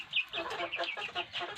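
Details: Chicken with respiratory illness ("flu"/ngorok) making short, harsh, rattling noises with each breath; owner describes mucus in the throat and treats it with Tetrachlor.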